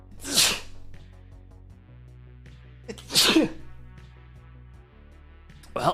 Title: Vtuber Sneezes a bunch on stream